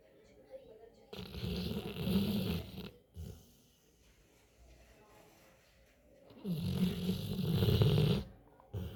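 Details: Dog snoring heavily in its sleep: two long, loud, rough rattling breaths with quieter pauses between them.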